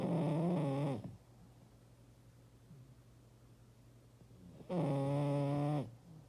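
Two tonal, groaning snores about four seconds apart, with quiet room noise between them; snoring.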